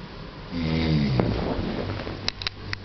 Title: Long Snoring